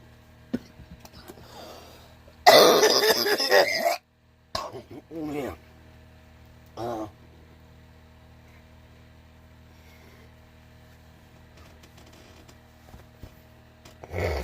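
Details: Adult woman smoking Lucky Strike cigarettes gives one loud, harsh cough burst, followed by a few short throat-clearing sounds.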